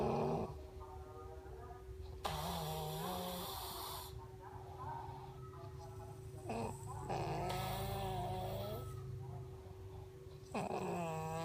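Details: Snoring during sleep (tidur ngorok): loud, rough, partly voiced snoring sounds with breathing, over a steady hum in the room.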